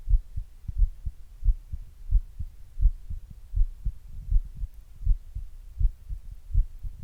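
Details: Own heart recorded at rest before exercise with an earbud microphone and a glass: normal resting heart sounds.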